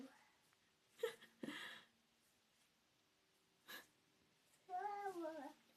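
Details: A young child sneezes a quick 'ah-choo', followed by a short puff of air and a brief voiced sound; sneeze.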